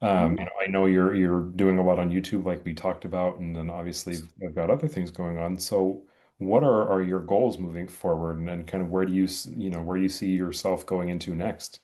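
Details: Adult male speaker; Normal speech.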